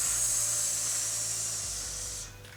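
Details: Speech-language pathologist demonstrating a correct S with the tongue tip resting behind the bottom teeth; normal /s/ sound.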